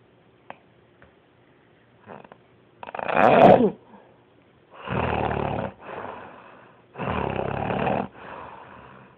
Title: Loudest snore ever